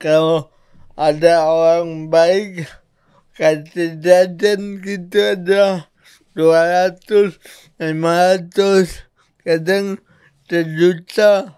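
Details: Adult man born in 1987 with severe cerebral palsy from birth, attributed to a birth injury during a breech delivery; he could not walk until age 9; speech possible but unclear; dysarthria (cerebral palsy).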